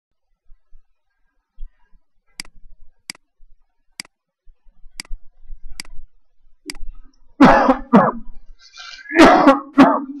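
A few sharp clicks, then a cluster of about four loud, harsh, voiced coughs in quick pairs.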